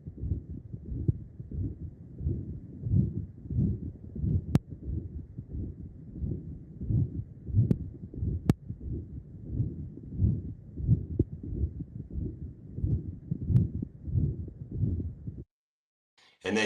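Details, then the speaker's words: Real patient with tricuspid regurgitation breathing in and out normally: low heart sounds with a whooshing systolic murmur that gets louder with inspiration and quieter between breaths; tricuspid regurgitation murmur. "do you guys notice that it's getting louder at times like it's louder here then it's quiet and it's louder than it's quiet then it's louder this is title breathing"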